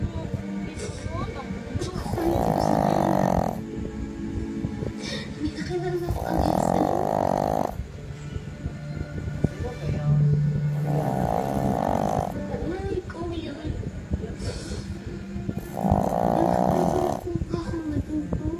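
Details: Sleeping pet dog: loud, droning snores about every four to five seconds, roughly 13 breaths per minute, over a noisy background; snoring.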